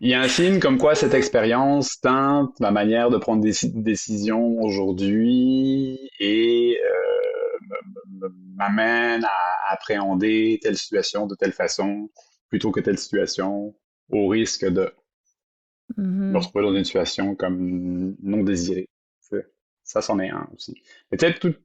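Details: Adult who stutters, speaking French, real stuttering; reports still experiencing moments of dissociation while stuttering. Finding: stuttering.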